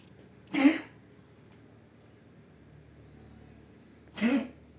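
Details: Pug dog with kennel cough, vomiting in the first days, later recovered: two short, harsh, honking coughs a few seconds apart in a quiet room; kennel cough, infectious tracheobronchitis.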